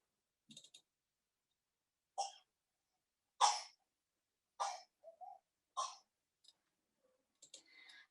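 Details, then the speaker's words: A pediatric lecture demonstrates a dry cough in an older child: short, sharp, dry coughs in separate bursts, with no rattling or wet sounds. "давайте послушаем сухой кашель"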